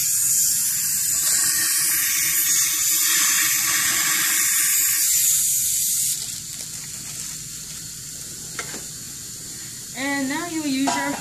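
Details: Steady hissing water spray and suction, then quieter gurgling and a brief squeal; rinsing the mouth after coronal polishing in a dental training demonstration.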